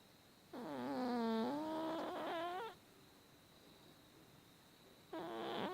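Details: Fat cat snoring: long, drawn-out, whining, tonal breath sounds with another starting near the end, fitting a whistling, narrowed airway; snoring.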